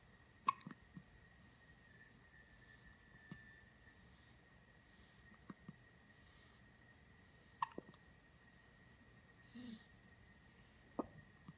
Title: Fox Hiccup 111